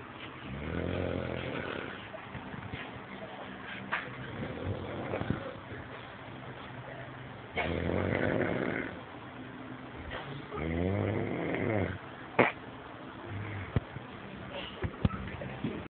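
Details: Repeated loud, rumbling snores with a fluttering quality on breathing in, with quieter breathing and room noise between them; ordinary snoring.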